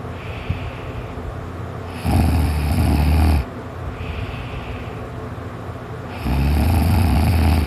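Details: Person napping, just starting to snore before being woken by a noise: loud, deep rumbling snores on two long breaths in, quieter breathing between, about 15 breaths a minute; snoring.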